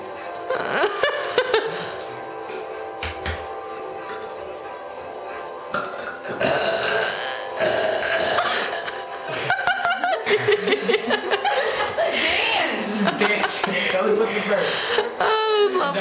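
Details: Burping contest between two people, deliberate belches over loud background music with laughter; burping.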